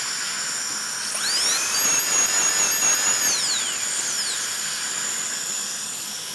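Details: Dental handpiece: steady high-pitched whine spinning up, running, then winding down while adjusting occlusion of restorations before final polishing, in restorative treatment of malpositioned dentition; patient then checked with articulating paper.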